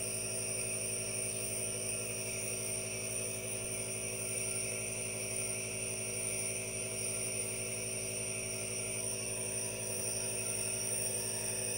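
Steady mechanical hum with a constant hiss throughout, a nebulizer compressor running.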